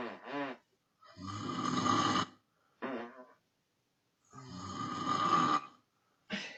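Two loud, rattling, buzzy inhaled snores with short exhaled breaths between them. Typical snoring.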